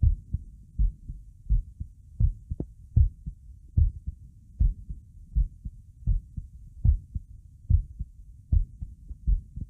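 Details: Heartbeat sound recorded along with a visible neck pulse.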